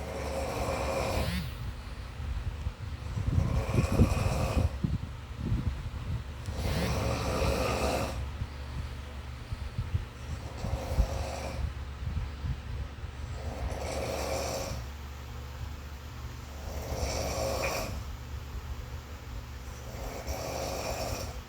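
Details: Snoring background sound: rough, rattling snores about every three seconds, near 19 breaths a minute, over a steady low hum; snoring.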